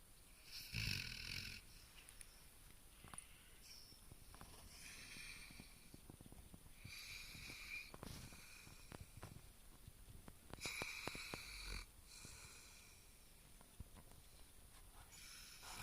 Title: Labrador snoring (My Sweet Dog )